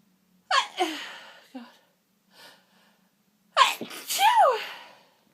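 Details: Sneezing fit with false starts and stuck sneezes in a very sniffly person, eyes streaming: two loud sneezes, each preceded by an audible inward gasp, with a short pause and faint breath between.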